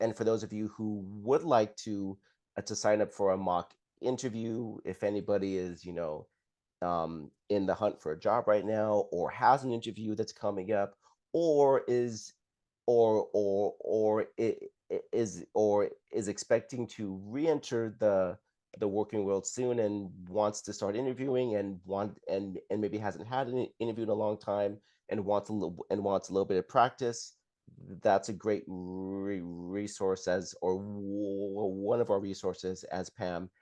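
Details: Adult who stutters, describing his stuttering as blocks and repetitions, with word and phrase repetitions heard; stuttering.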